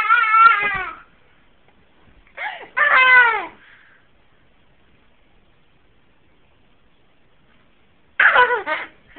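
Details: Short, fussy cries in three bursts with quiet gaps, from a two-year-old girl having hiccups for the first time, with talk about hiccuping around it.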